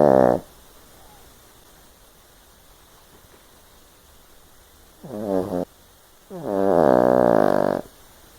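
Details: Chihuahua snoring super loud: three rough, buzzing snores separated by quiet pauses; snoring.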